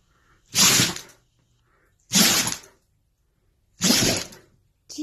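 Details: Dog sneezing three times in quick succession, each a sharp hissing burst, with a fourth starting; repeated sneezing for about five minutes indoors.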